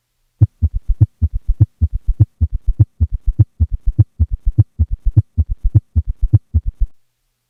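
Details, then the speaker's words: Patient with both S3 and S4, recorded during expiration so S2 is unsplit; extra low diastolic thuds each cycle form an S3 and S4 gallop. "here is a patient with both an S3 and an S4 at a heart rate of 60 beats per minute with a recording made during expiration and thus without an S2 split"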